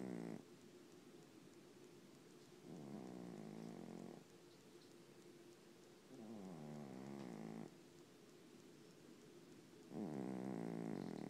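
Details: Fat cat snoring while asleep: soft, rough, rumbling snores recurring every few seconds, close to a purr in quality.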